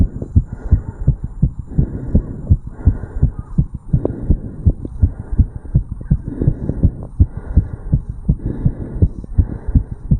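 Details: 35-year-old male's heartbeat recorded over the tricuspid valve area after jogging uphill: rapid heart sounds after exercise.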